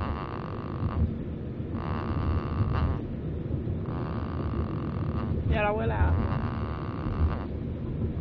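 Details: Two-week-old newborn boy snoring in his sleep: soft, rhythmic rasping breaths over a low background rumble.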